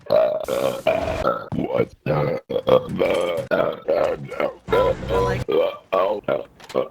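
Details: Friend burping deliberately while playing Call of Duty, a long run of roughly a dozen loud, deep, voiced burps in quick succession: burping.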